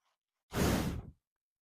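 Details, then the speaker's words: Single low, fluttering, rattly breath under a second from a sleeping female dog; snoring. "I don't know if you can hear this, but my dog is snoring right now."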